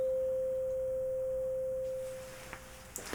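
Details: Simulated ASMR roleplay hearing assessment: a clear, steady pure tone from a struck tuning fork fades slowly, then soft handling sounds follow, in the air-conduction step of a Rinne test.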